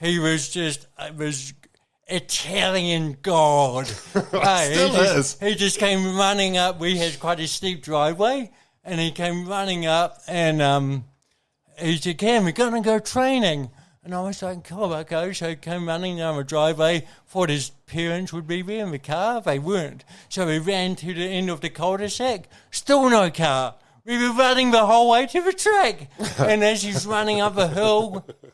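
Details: Adult man with congenital cerebral palsy, a brain injury from oxygen loss at birth, thinking unaffected, has had speech therapy: dysarthria (cerebral palsy).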